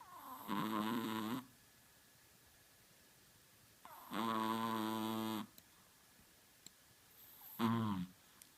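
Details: A small Chihuahua sleeping gives three loud, buzzing, drawn-out snores roughly every three seconds in a quiet room; ordinary snoring.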